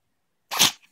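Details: Single sharp, hissing sneeze after silence, apparently from a pet (possibly a dog) that then expelled what the owner thinks is blood and a large piece of grass stuck in the nose.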